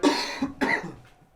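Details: Two sharp, dry cough bursts from an adult man, a hacking cough without a wet rattle, starting after cleaning mold, mildew and filth from his hurricane-damaged home; 'Sandy cough'.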